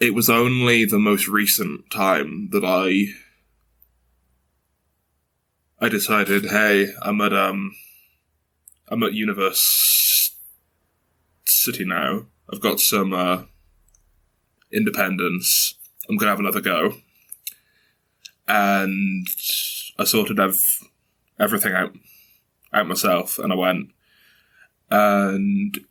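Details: 22-year-old man who has stuttered since very young, teased about it from about age five or six, mother also stutters, reports blocks and repetitions; stuttering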